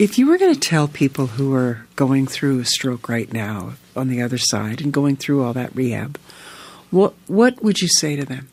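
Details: Adult interviewer; typical speech.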